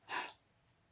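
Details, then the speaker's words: Peak flow meter demonstration by a respiratory therapist: a single short, soft puff instead of a maximal blow reads 160 against usual readings of 360-380, so this submaximal effort is invalid and must be repeated. "j'ai 160 ici j'ai vraiment apprécié de tout le plus que je pouvais j'ai juste donné un petit coup alors c'est sûr que ce chiffre n'est pas valide"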